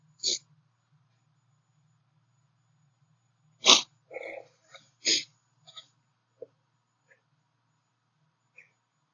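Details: Person's sneeze buildup ending in three sneezes, the last taking very long to come out: a few sharp hissing bursts with catching breaths in between, in a quiet room. Sneezing.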